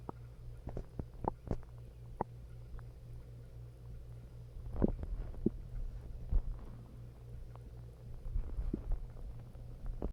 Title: Upset stomach growl